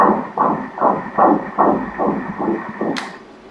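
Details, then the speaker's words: Fetal heartbeat on Doppler during ultrasound at 14 weeks of pregnancy: rapid, regular whooshing pulses at 149 beats a minute, stated as a good, normal rate. "Sempre uma emoção, né? Ouvir o coração do nenê. É. Frequência cardíaca está em 149 batimentos por minuto."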